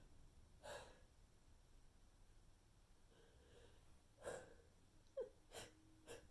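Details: Sneezing fit from a persistent tickle, with the first several sneezes missed: several quick, weak, stifled, unsatisfying sneezes in a row with soft breaths between, in a quiet room.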